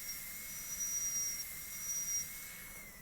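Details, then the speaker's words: Steady high-pitched whine of a high-speed dental drill with faint spray hiss, cutting a distal-occlusal Class II preparation on a maxillary molar in a teaching demonstration. "so now we're going to cut from there in straight we'll adjust the angle until it's 90° by trial and airor it's a little bit obtuse now then we got start the margin and cut inward until we get the angle just the way we want"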